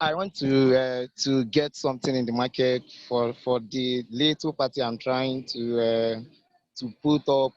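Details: Stuttering in a male graduate who describes himself as a stammerer.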